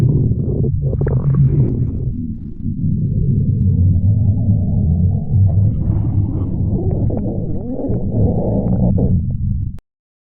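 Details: Long, low, rumbling, gurgling stomach growl lasting about ten seconds: ordinary stomach growling (borborygmi).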